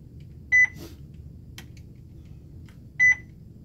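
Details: Two short, high beeps about two and a half seconds apart in a quiet room from an IV infusion pump during setup, in a nursing demonstration programming 500 mL of 0.9% saline at 100 mL/hour.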